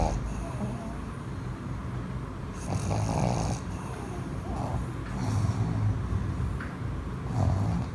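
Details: Small flat-faced dog asleep on his owner with eyes open: rough, snorting breathing sounds over steady background noise, snoring.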